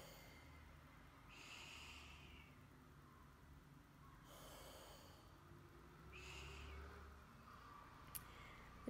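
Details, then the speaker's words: Three long, hissing in-breaths drawn hard against resistance after full exhalation, quiet out-breaths between: breathing muscle training with a non-electric mechanical resistive device (PowerBreathe) in a person with Charcot-Marie-Tooth disease and restrictive lung disease. "so you first want to just let all of the air out of your lungs and then you want to take a deep breath in with all of your strength"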